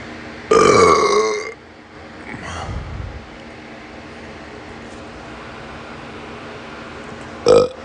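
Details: One long, loud belch, then a softer one and a short final burp over a steady background hum: excessive burping.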